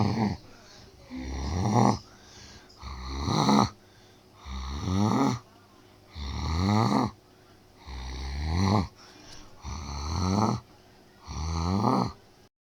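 Loud, rhythmic rattling snores, about six over twelve seconds, roughly one every two seconds, with quiet pauses between.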